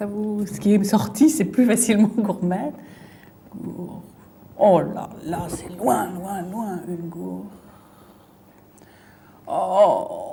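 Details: Fluent aphasia with paraphasias in a female patient with a brain lesion, with word-finding difficulty, word substitutions and distorted words, during a picture-naming task.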